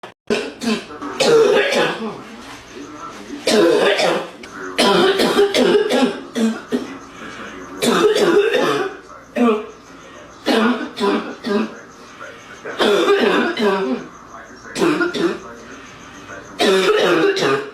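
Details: Adult woman smoker with a deep, congested, harsh barking cough, coughing repeatedly in a room.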